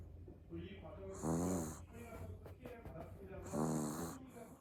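Two snoring breaths from a sleeping puppy, each with a squeaky, whistling, nasal buzz, followed by soft breaths out.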